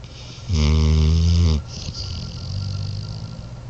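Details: Morbidly obese black dog snoring: one loud, low, buzzing snore on an inward breath, then a quieter rumbling outward breath.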